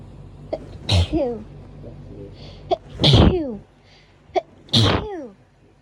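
Three sneezes, each a sharp in-breath then a forceful burst with a trailing voiced 'choo'; hay fever sneezing.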